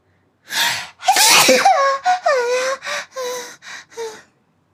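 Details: A streamer's sneeze: a sharp indrawn gasp, then a loud explosive sneeze, followed by a few brief trailing vocal sounds, likely laughter.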